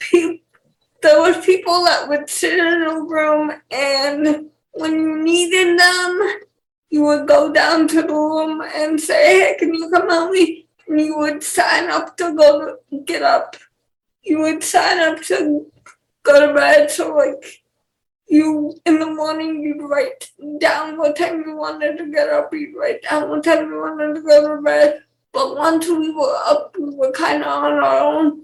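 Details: 28-year-old woman with cerebral palsy who also has cortical vision impairment; mild dysarthria.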